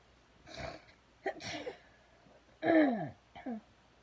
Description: Sneezing while I braided my hair